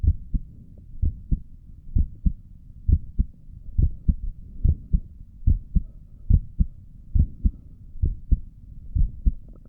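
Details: Adult's own normal heartbeat through a stethoscope while sitting at a desk for five minutes, with a visible neck pulse: steady, regular two-part heartbeat at about 68 beats a minute, normal heart sounds.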